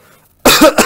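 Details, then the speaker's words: Hospital demonstration of the effective cough technique: drink warm water, take deep breaths held briefly and exhaled 4–5 times, hold one second, then one deliberate, forceful voluntary cough with a short trailing burst. "Tarik nafas tahan sebentar kemudian hembuskan lakukan gerakan ini sebanyak 4-5 kali tahan satu detik kemudian batuk kan"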